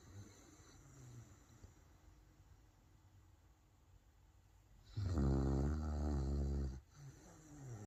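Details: Sleeping pet dog snoring: quiet breathing, then a loud, low, fluttering snore lasting about two seconds on one breath, followed by quieter breaths.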